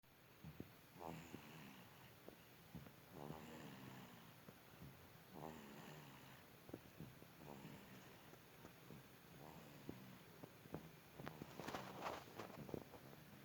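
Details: A sleeping baby snoring lightly: soft, buzzing, fluttery snores recur with each breath, with faint room noise.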